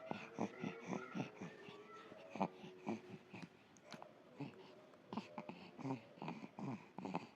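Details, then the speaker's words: Infant with bronchopneumonia: fast, rattling, snore-like "grok-grok" breaths with some whistly tones, present even when awake, breathing very difficult; noisy laboured infant breathing. "Seperti biasa dia itu sangat sulit bernafas dan terdengar suara kayak lagi ngorok. Orang sering bilang bunyi grok-grok."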